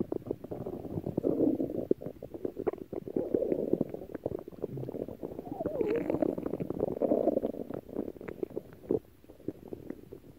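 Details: Aggro's stomach growling: loud, sustained gurgling rumbles with bubbling crackles and a brief squeaky tone; borborygmi.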